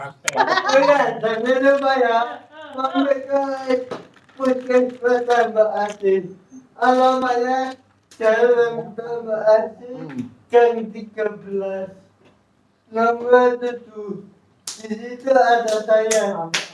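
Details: Adult with cerebral palsy, described as thinking well despite the disability; dysarthric speech in cerebral palsy.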